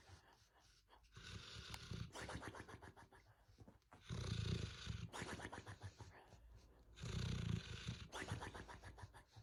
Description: We compiled our top 6 favorite clips of cats snoring and dogs snoring that sound more like rock concerts than peaceful naps.